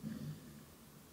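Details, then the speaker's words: Snoring from Kaiser, a resting female dog: a brief low rumbling snort-snore likened to an old man's snoring, then quiet room noise. "oh it's Kaiser not very ladylike Kaiser God she's snoring like an old man"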